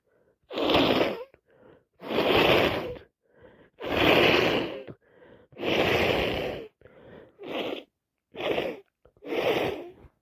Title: So snotty , blowing my nose and sniffing this awful snotty cold out #commoncold #snotty #sniffles